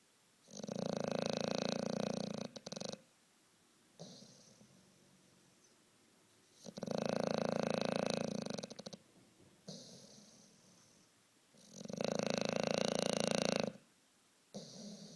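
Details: Sleeping animal snoring while apparently dreaming, with the corner of his mouth and eyebrow gently twitching: loud, buzzing, rattly snores about every five seconds, with quieter breathing between.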